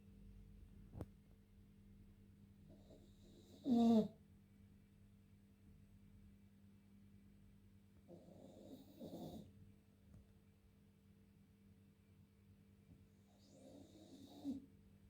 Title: Cane corso Max 4 months snoring :)